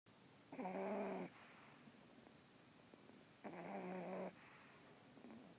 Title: Dog snore